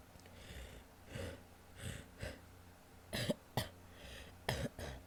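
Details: Female with wet coughs: soft coughs with a loose, gurgling quality between noisy breaths; a wet, productive-sounding cough.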